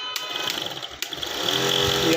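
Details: A click, then a steady rising mechanical buzz and hum as the compressor motor of an electronic nebulizer machine starts up and runs after being repaired; nebulizer compressor running.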